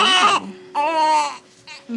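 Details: Strong, high-pitched crying in short bursts with pauses of a newborn girl just after birth, following labor induction at 39 weeks 3 days for the mother's blood pressure.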